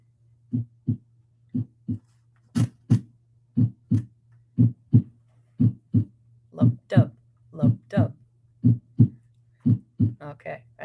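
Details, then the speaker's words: Normal heart sounds played in a cardiovascular physiology lecture: steady paired lub-dub sounds at about 60 beats a minute, regular rhythm. "you got it okay so those are normal heart sounds"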